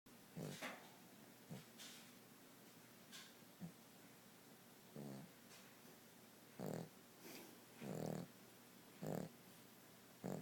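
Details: Cavalier dog snoring.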